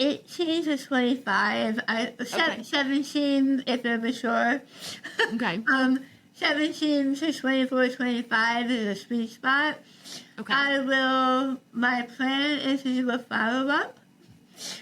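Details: Adult woman treated for stage 4 tongue cancer: over half her tongue removed and rebuilt with a forearm graft, plus neck dissection and six weeks of radiation and chemotherapy; articulation disorder after partial glossectomy, some people cannot understand her.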